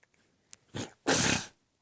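A short snorting intake is followed by a louder, harsh burst of air through the nose, a single dog sneeze in a quiet room.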